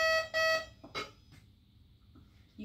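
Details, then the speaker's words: Vapotherm Precision Flow high-flow nasal cannula machine being powered down by holding the power button after the line is clamped and the wall oxygen is turned off: two short, loud, high beeps, then softer clicks and quiet. "once you completely finished with the machine clamp your line turn off on the wall and then hold the button to power"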